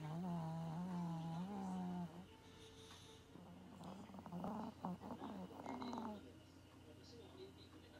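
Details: Sleeping Maltese puppy (female dog) snoring like an old man: loud, low, droning snores with a rattling, fluttery quality over a steady background hum.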